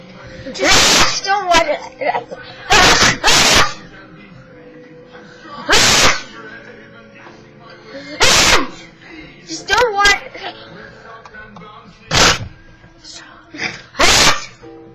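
An adult sneezes about seven times in quick succession, with brief voiced inhalations between bursts.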